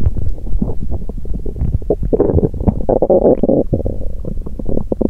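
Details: Hungry person's abdomen on an empty stomach after exercise: loud, continuous gurgling and rumbling that goes on for a while, hunger-type stomach growling: bowel sounds.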